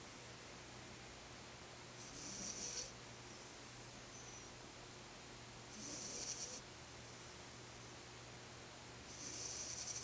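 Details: Snoring in a sleeping 4-month-old French Bulldog puppy napping: soft, wheezy snorts about every three to four seconds over steady background hum.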